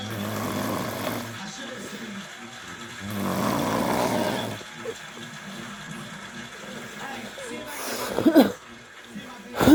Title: my girl was snoring to loud while i was watching kevin hart